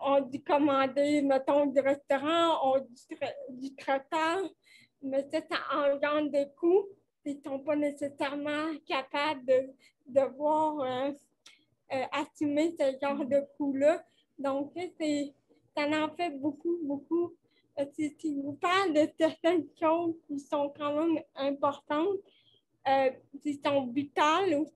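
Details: 29-year-old woman with cerebral palsy caused by lack of oxygen at birth, speaking French in an interview; she appears to mention speech difficulties; finding: dysarthria (cerebral palsy).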